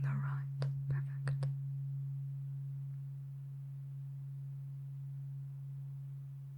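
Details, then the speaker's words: ASMR roleplay cranial nerve exam, eyes closed, binaural: a struck tuning fork sounds for a simulated hearing test; listener asked to say when the tone is heard and which ear (left), a tuning fork tone. "I have a tuning fork here. Sounds like this. I just want you to tell me when you can hear the tuning fork."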